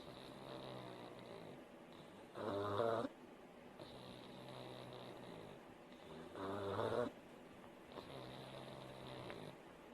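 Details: A sleeping pug snores loudly with a rattle, about 15 breaths a minute, with quieter breathing between.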